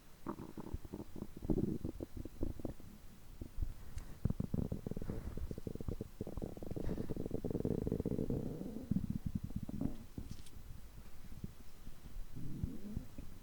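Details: Human stomach growling (borborygmi) after overeating, which typically continues for over 3 hours: continuous low gurgling and rumbling with crackly pops and groans from active digestion.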